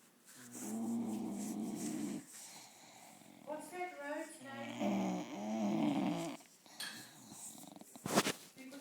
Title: Snoring Winnie bulldog